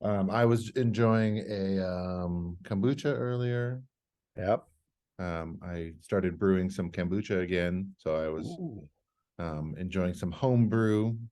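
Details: Adult man speaking; normal voice.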